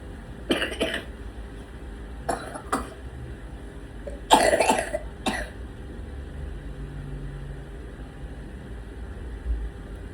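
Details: Child coughing during Dhuhr prayer: short coughs in three clusters, about six bursts over ten seconds, with quiet room noise between.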